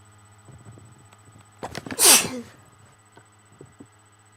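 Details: A few quick catching breaths, then one loud, sharp single sneeze, followed by quiet room noise.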